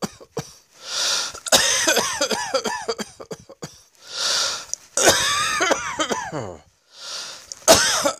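Three bouts of harsh repeated coughing, each preceded by a deep inhalation, with strained throaty sounds between coughs.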